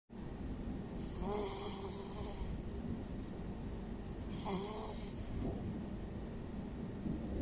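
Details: Cat sleeping; two soft, raspy breaths against steady background hiss; gentle snoring.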